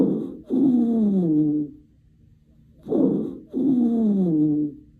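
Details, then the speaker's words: Musical, whistling tones with falling pitch run through each breath: wheeze, a continuous sound produced by narrowed airways. "Wheezing. Key word here is musical. It's a continuous sound produced by narrowed airways. Think wheezing. Whistle like a musical."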